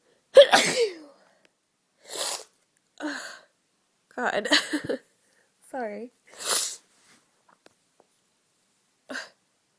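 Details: Woman with a serious cold for a few days: several forceful sneeze bursts with brief breathy gasps and a short spoken word between them, in a quiet room; repeated sneezing.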